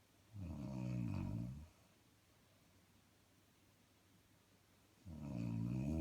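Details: Person snoring while asleep: low, deep rattling snores with a quiet pause between them; ordinary snoring.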